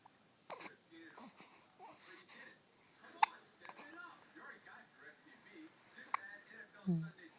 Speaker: Trying to fight those hiccups.